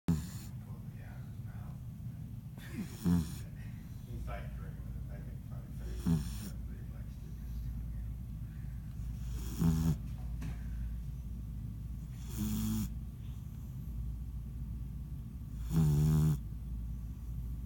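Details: Small sleeper crashed after hard play, snoring with tongue noted; short snorting snores every few seconds, about six in all, with steady background hum and faint talk; snoring.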